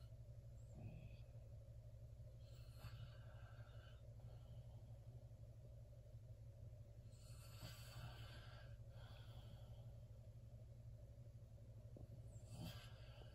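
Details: Quiet, irregular snorting breaths over a steady low hum, consistent with snoring.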